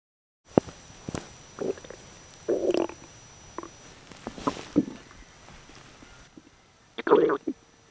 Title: stomach growls